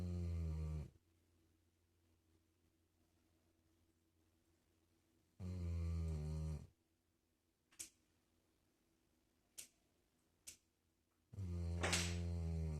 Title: Dog snoring